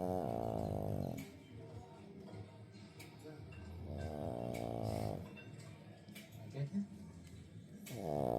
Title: PUGS do Snore loud